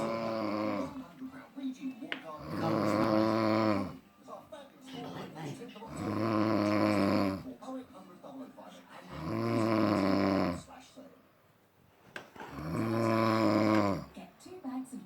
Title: Snoring 😴😴😴😴😴😴😴💏💏💏✊✊